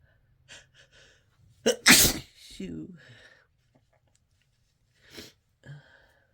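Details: Really desperate, harsh sneezing: a forceful sneeze with a sharp intake beforehand, followed by gasping breaths and sniffs.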